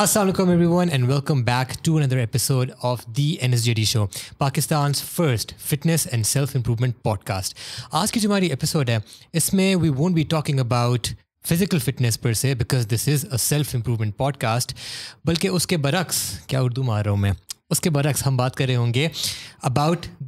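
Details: Adult male host; normal speech.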